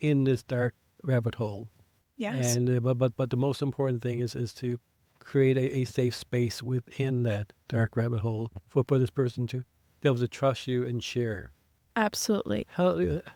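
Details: Adult man who identifies as a person who stutters, with blocks and prolongations, speaking in an English podcast conversation; stuttering.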